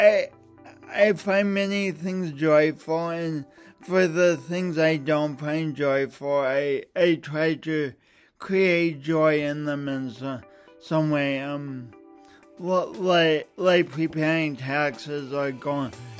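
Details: Woman with a speech impediment caused by a birth injury; speech impediment.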